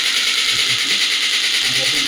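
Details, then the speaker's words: Clinical radial shockwave (ESWT) therapy machine demonstrated on the hand at reduced energy: rapid continuous mechanical rattling pulses with a hiss, count reaching 79 shots, then firing slower one by one at minimum frequency. "So you can see 79 shots are there. But if I select the frequency to minimum like one, I'm getting shot slower and lower you can see one by one it is getting incorrect."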